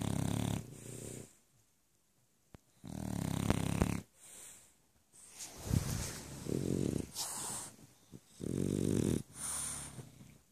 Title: Snore snore snore